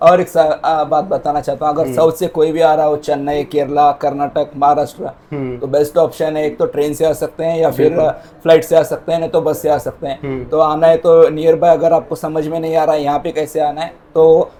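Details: Adult male speaker; typical speech.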